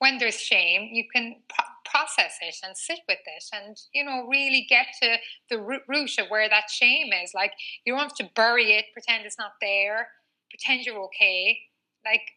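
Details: Adult woman aged 39, a former covert stutterer who now stutters openly, with a stutter marked by frequent word repetitions; she has had speech therapy including fluency techniques: stuttering.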